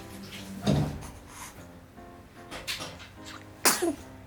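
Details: One-month-old baby boy sneezing: two small, sudden bursts of air over background music, from a series of repeated infant sneezes.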